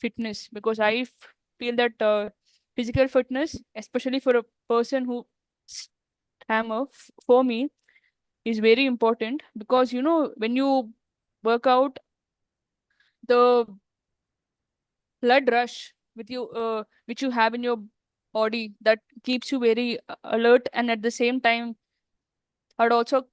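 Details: Adult woman who stammers, speaking in a real podcast interview; stuttering.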